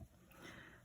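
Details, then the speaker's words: Dog sleeping under a craft table, brief quiet low rumbling breath noise: snoring. "so just get that lined up if you can hear the dog snoring i'm sorry he's underneath the craft table as always he likes to be in here with me"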